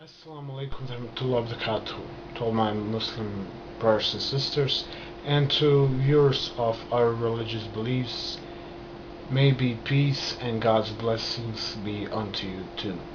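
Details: Adult man who has stammered since early childhood, noticed in kindergarten, beginning after a trauma rather than from birth; he still stutters and controls it with hand movements timed to speech and breathing control; stuttering.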